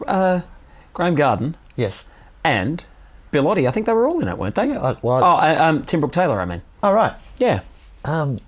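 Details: Adult male speaker in conversation; normal voice.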